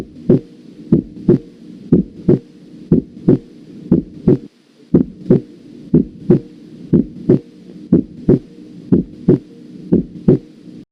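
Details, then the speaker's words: Second heart sound (S2), heard with the stethoscope diaphragm and loudest at the aortic and pulmonic foci: regular paired heart sounds at about 60 beats a minute, with the second sound of each pair emphasized. "a continuación escucharemos el segundo ruido cardíaco que tiene mayor intensidad en los focos aórtico y pulmonar y se escucha también con el diafragma del estetoscopio"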